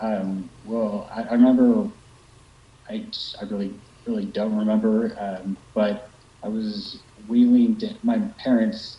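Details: Young man with aphasia after a stroke at age 21; Broca's aphasia.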